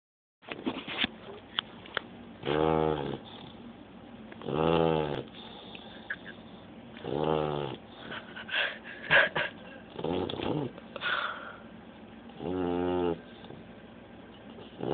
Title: Snoring puppy...